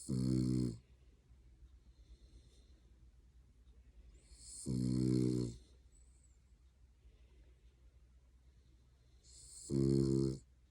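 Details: Pet dog asleep on an owner's lap in an odd position, giving three loud buzzing snores about five seconds apart, roughly twelve breaths a minute, quiet between; dog snoring.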